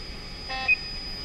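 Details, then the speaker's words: Allied HFT high-flow nasal cannula therapy device demonstration: a short electronic low-oxygen alarm beep over a steady fan hum, with measured oxygen showing 14% because no oxygen supply is connected. "so right now it is showing 14% because the oxygen has been not been connected so it gives an error also uh that oxygen is"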